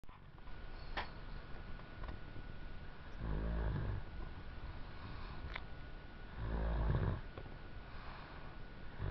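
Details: A 3-year-old girl asleep on a sofa makes low, fluttering snores on each in-breath, about three seconds apart, over steady room noise; ordinary snoring.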